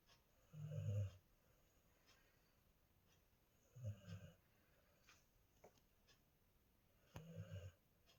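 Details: Three low, rumbling snores about three seconds apart (roughly 18 breaths a minute) from a sleeping golden retriever in a quiet room: ordinary snoring.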